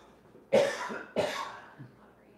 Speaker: Excuse me. Sorry for the coughs. I get these acid reflux attacks where I just have these coughing fits for like 5 minutes.